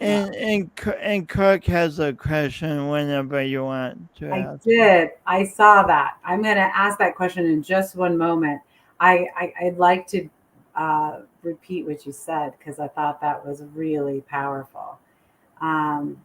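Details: Adult woman speaking conversationally; unaffected speech.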